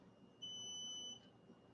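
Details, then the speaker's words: Daughter's insulin pump alarm sounding because the pump has expired and needs replacing, not a pump failure; a single sustained high-pitched electronic beep lasting under a second, muffled as she covers it. "it's just loud it's just the way it is it's and it's loud to get our attention we that it yeah it's meant to wake us up if her pump fails but it's just expired so I need to get a new one on her"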